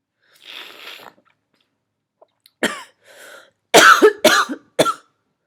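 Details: Repeated sneezing with sniffles in a very sneezy, tired subject: a sniff, then several abrupt, forceful bursts of air close together.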